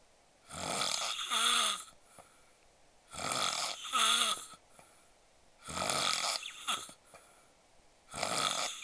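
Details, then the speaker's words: Loud, harsh, rattling adult snores about 23 per minute, some buzzing, with quiet pauses, from a man sleeping face-up after drinking alcohol and falling asleep right after eating. "ちゃんのいびきは酒も入っているせいか、正面を向いて寝ているせいか、とても激しいです。"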